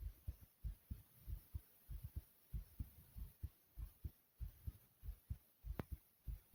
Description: my heartbeat goes from loud to low and soothing sound